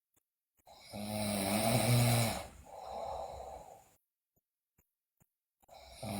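Loud rattling snore on breathing in, then a softer noisy breath out, a pause, and the next snore starting.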